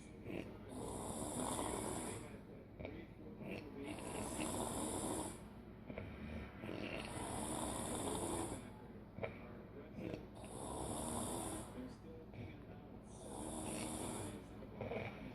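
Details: Female sleeper building up to loud snoring: rhythmic snores about every three seconds, each breath ending in a hissing, whistling exhale, with faint room noise; snoring.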